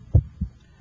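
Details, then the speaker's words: Normal first and second heart sounds at the apex (PMI), heard with an electronic stethoscope while the radial pulse is felt to time S1: louder first sound followed by a softer second sound. "I can hear your first heart sound and I can hear the second heart sound."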